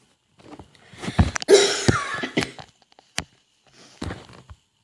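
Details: Person covering their cough; they attribute the cough to pollen irritation.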